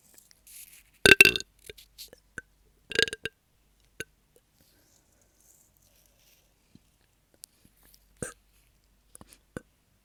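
Several short, throaty bursts of air from the throat, with quieter smaller ones between, in a quiet room. Repeated burps.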